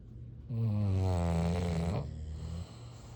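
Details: Sleeping bulldog snoring: one long, low, rumbling snore on the breath in, followed by a quieter breath out.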